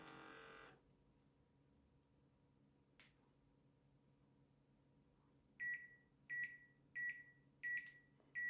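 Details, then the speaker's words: Medisana BU 510 upper-arm automatic blood pressure monitor, cuff on left arm near the heart, cuff inflating then measurement finishing; quiet room, then series of short regular electronic beeps. "okay now we are okay and then just start and it will start pumping air filling up with her this at my hand you need to be calm"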